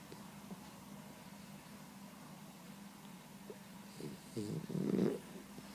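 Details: 16-week-old boxer puppy snoring and dreaming during afternoon nap: low steady hum with soft rough snorts, rising into louder rattling breaths near the end.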